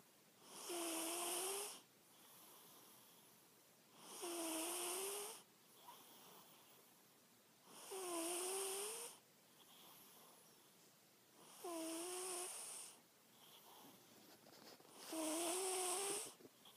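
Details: Cat snoring rhythmically while asleep, with a whistling rasp on each breath, about 17 breaths per minute.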